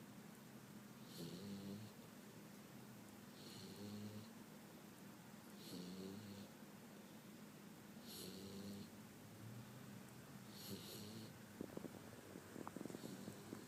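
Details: A 5-month-old Boxer puppy sleeping after the dog park, with soft, rhythmic snoring with a faint whistling edge, about one snore every two seconds, and a few clicks near the end.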